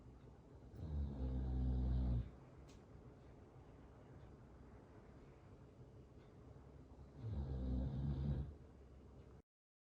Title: Just a dreaming, snoring Great Dane💤😴